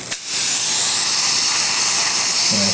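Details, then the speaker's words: Dental assistant during forehanded dentistry restoration polishing: a click, then a steady hissing spray as the air-water syringe briefly wets the tooth, keeping it slightly wet without flooding, repeated. "see how we're going to just wet the tooth there. Wet it again."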